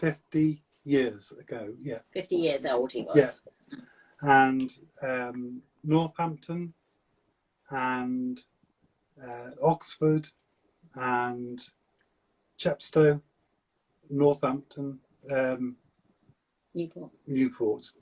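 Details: Adult male stroke survivor with aphasia for seven years since a stroke at age 50, speaking in fragmented, non-fluent speech; non-fluent aphasia.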